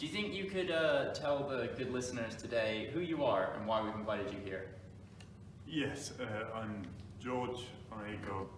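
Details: Adult male interviewer, followed briefly by a second adult speaker; normal speech.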